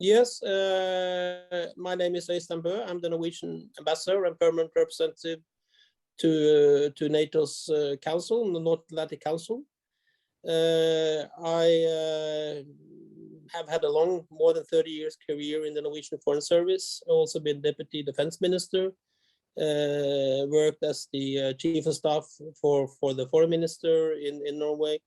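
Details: Stuttering in an adult man with a severe teenage stutter and many blocks, treated with 2–3 years of speech therapy; small blocks persist under pressure.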